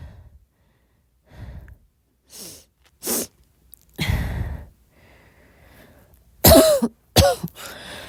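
Several soft coughs and throat clearings with breaths between, ending in two louder coughs; a mild cough in a quiet room.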